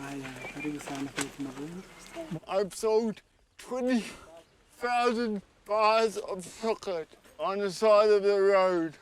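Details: 32-year-old man with cerebral palsy present since birth, dependent on 24-hour care; slurred speech that worsens when he is tired; dysarthria (cerebral palsy).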